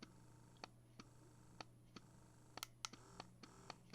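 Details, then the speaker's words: Electric breast pump running in let-down mode: quick, regular clicking suction pulses over a low motor hum, mimicking a baby's fast initial sucking at latch-on, before switching to slower expression mode. "so let down mode is fast when you think of a baby nursing for those moms who do nurse when the baby first latches on it's a quick suction mode quick quick quick quick quick"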